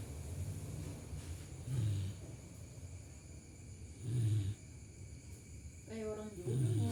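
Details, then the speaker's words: Very fat dog snoring with loud, low rumbling breaths repeating about every two and a half seconds: dog snoring. "ngoroknya lucu anjir. Udah gemuk banget."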